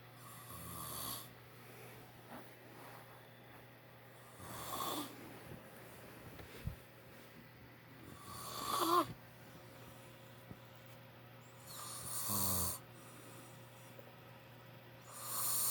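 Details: A father snoring loudly in sleep: loud rattling snores on inhalation, about 16 a minute, with a steady hum in the room.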